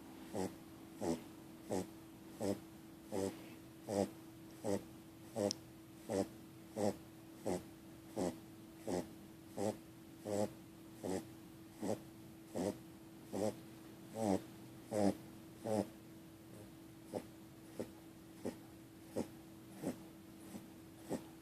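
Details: Tired corgi puppy named Jinx snoring in sleep: quick, regular snuffly bursts at about 80 per minute; ordinary sleep snoring.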